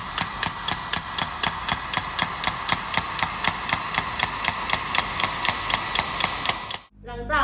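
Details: Rapid, regular sharp tapping pulses at about four per second, stopping near the end: an extracorporeal shockwave therapy device treating heel pain from plantar fasciitis during a physiotherapy demonstration; the patient was warned it would be a bit loud.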